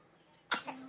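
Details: Fake, pretend cough from a child: one short, sharp cough.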